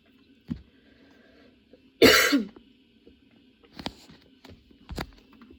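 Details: Person with a sudden, very long coughing fit that brought tears and kept worsening while they changed positions: one loud harsh cough, then weaker coughs and throat clearing.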